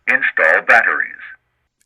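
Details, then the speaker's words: ZOLL AED Plus setup during battery installation: the defibrillator plays a short recorded voice prompt. "when you push the button inside the battery compartment the AED will react immediately telling you to plug in the electrode pad cable"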